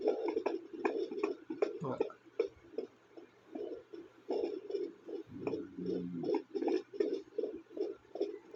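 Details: Fetal heartbeat on a fetal Doppler monitor: rapid, regular whooshing, galloping beats near 154 a minute, normal, with a brief kick thump.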